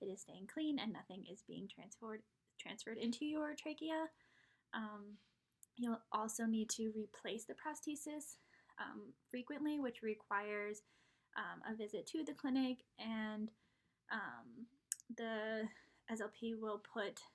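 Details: Adult woman speaking; normal speech.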